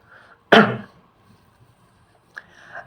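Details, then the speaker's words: Nurse demonstrating cough and sneeze etiquette: one burst-like sneeze muffled into a tissue covering nose and mouth, then quiet room noise; an acted sneeze. "this is the proper coughing and sneezing covering with tissue"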